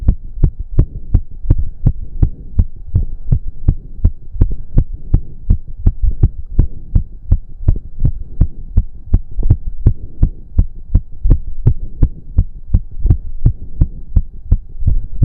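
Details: Male's very fast, pounding, regular heartbeat at about 165 a minute during a 15-minute intense cardio workout, with heavy breathing and a low background hum; reported close to 200 bpm; sinus tachycardia after exercise.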